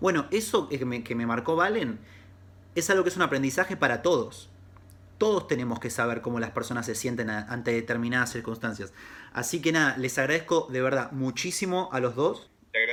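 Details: Adult man speaking Spanish; ordinary speech.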